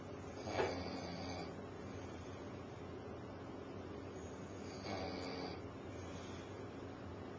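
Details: Very tired adult man asleep on a couch at 6:30 pm, who denies snoring, recorded on a camcorder: two harsh, rough inhalation snores about four seconds apart over steady background hum; snoring.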